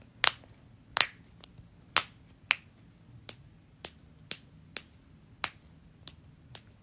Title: cracking joints